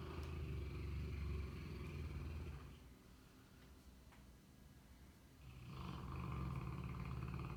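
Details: Cane Corso sleeping: deep, fluttering low rumbles, two long noisy breaths with a quieter pause between, ordinary snoring.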